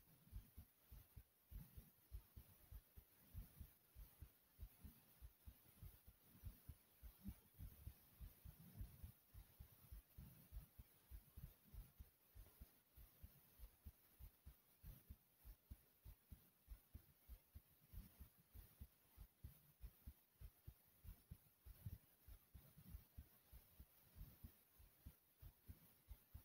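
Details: Heart pounding kinda fast: steady low thumping heartbeat at around 100 beats a minute.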